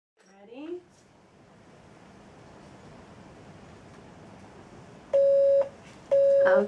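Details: Two steady pure-tone beeps after a child's brief voice in a quiet room: play-audiometry test tones during programming training before activation of a 3-year-old's second (left) cochlear implant; profound deafness from Waardenburg syndrome type 2a.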